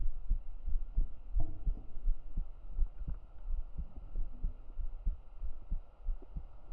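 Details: A real heartbeat recorded up close on the chest with binaural microphones during whispered ASMR: normal heartbeat.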